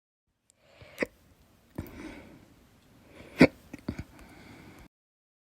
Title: 10/24/21, Minor Case of Fast Hiccups after Dinner